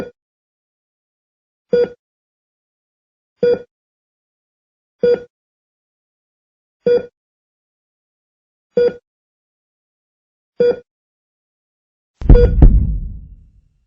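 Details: Hospital heart monitor sound effect: regular electronic beeps about every 1.8 seconds, roughly 33 a minute, then a brief louder noise at the end.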